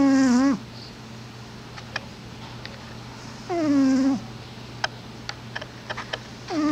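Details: A sleeping cat makes a whistling snore that falls in pitch, repeating about every three seconds with each breath, with faint clicks between.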